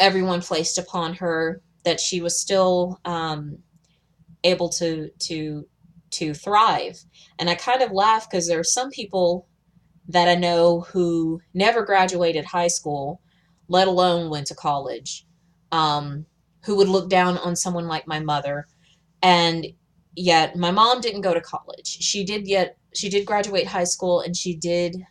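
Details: Adult who stutters and is in speech therapy (practising stuttering, soft H before W and F sounds, singing to reset); blocked airflow is said to trigger the stutter; audible part-word repetitions; stuttering.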